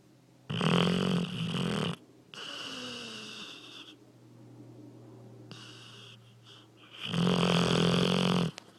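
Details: Sleeping dog: loud, harsh, fluttering snoring breaths with quieter whistling breaths between the loud snores.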